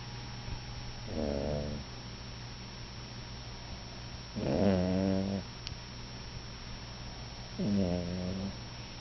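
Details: 7-pound Yorkie snoring loudly, three deep rattling snores at about 19 breaths a minute; she snores like this all the time: snoring.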